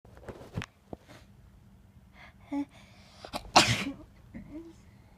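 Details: Person sneezing in bed: quiet room with soft rustling, brief catches of breath, then a sharp explosive sneeze.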